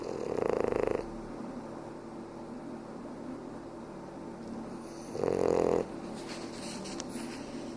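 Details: Sleeping while napping on the recorder: two loud rumbling snores on the in-breath, about five seconds apart, with quiet breathing between; ordinary snoring.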